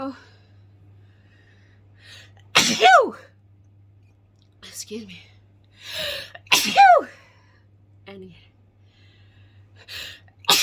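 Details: Adult woman at bedtime, deliberately inducing sneezes with pepper to clear her sinuses: two loud, explosive sneezes, each preceded by a sharp intake of breath, with quieter sniffs and breaths between.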